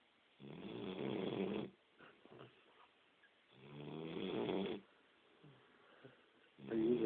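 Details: Sleeper making two long, rough, rattling breaths about three seconds apart, a third starting, with quiet breathing between; snoring.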